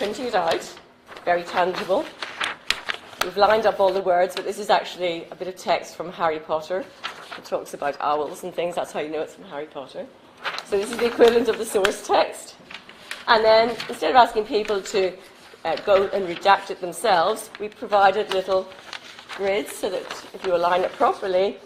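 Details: Adult woman; normal speech.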